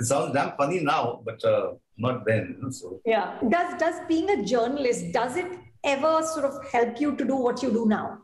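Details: Adult interviewer; typical speech.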